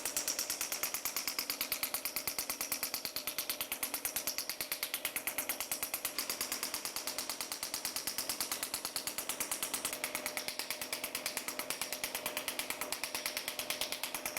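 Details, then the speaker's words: Shockwave therapy device firing on tense back muscles during treatment for back pain at a spine clinic: fast, steady mechanical tapping, about 180 pulses a minute. "От зараз подивимося. І такий трохи специфічний звук. Да, робочий."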